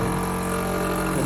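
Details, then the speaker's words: Loud, steady motor drone with a low hum from a running portable suction machine, switched on to set its negative suction pressure for pediatric patients, about 80–120 for a baby. "So the way you actually set your pressures, your negative pressure, is by turning it on, including the on,"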